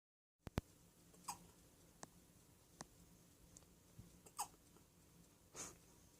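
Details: Small pet with brief hiccups in a quiet room: sharp little clicks, several with a tiny squeak on each one.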